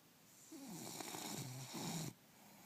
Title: Bulldog snoring